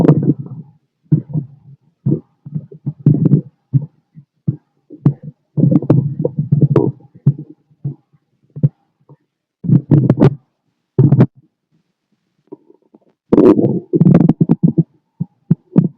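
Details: Adult male abdomen through a stethoscope: irregular low gurgles and rumbles, active bowel sounds (stomach growling).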